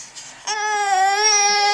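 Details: Baby who has hiccups, recorded on a Flip Video camera: brief, steady high-pitched wail after a short quiet lead-in; ordinary infant cry.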